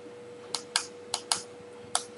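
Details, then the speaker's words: Dentalsnap EZShade digital dental shade guide being switched on with its middle button before calibration: five sharp plastic button-press clicks over a faint steady electronic tone. "so the first thing i want to do you can see there is just hit the middle button there you go switches it on and it tells you it wants to calibrate it"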